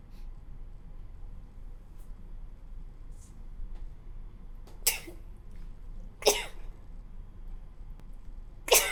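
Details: Three sharp sneezes from an adult, each a sudden explosive burst of air, spaced a second or two apart.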